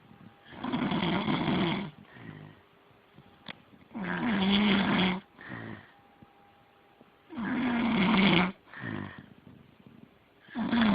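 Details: Loud rattling snores on each breath in, softer breath out, about 18 breaths a minute, during ongoing sleep; snoring.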